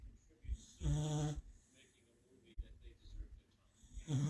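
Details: Sleeping black and white dog wearing an inflatable medical collar: deep, throaty, rattling, irregular loud snores with a snorting quality, said to be caused by the collar; snoring.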